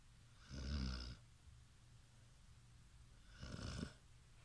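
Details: Two low, rattling snores about three seconds apart in a quiet room; ordinary snoring.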